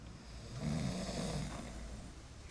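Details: One long, low, rattling snore on the in-breath from a sleeping man, acted in a TV drama scene and not a real recording; snoring.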